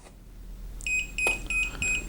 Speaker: it beeps. It'll beep for 30 seconds. The machine won't turn on at all, okay?